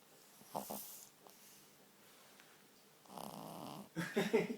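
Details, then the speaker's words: Sleeping pug puppy snoring with tongue out: short, snorting, wheezy breaths, with a harsher rattling snore at the end. "Ready? You're snoring, mate. Shall I put your tongue away?"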